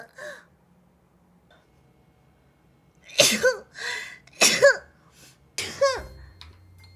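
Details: Three sharp sneezes from a female streamer, each with a quick voiced intake before the burst, low background hum: ordinary sneezing.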